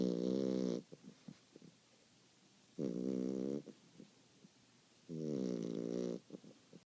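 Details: Loud, buzzing snores about every two to three seconds, each followed by soft clicks and snuffles; snoring in a sleeping dog.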